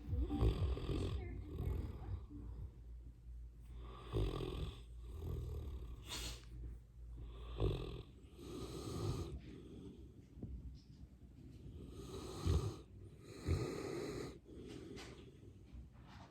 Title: Life with An English Mastiff ,how loud can a Mastiff Snore ! 😴